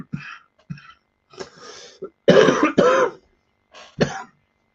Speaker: as you can hear I do got a cough and a little cold and stuff like that